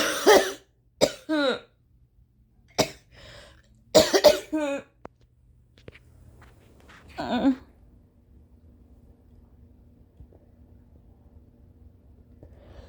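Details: Violent coughing fit at 4:30 AM, mostly uncovered, blamed on rain-triggered allergies after a sleepless night, nearly vomiting: forceful harsh coughs in clusters with strained gagging effort, then quieter breathing.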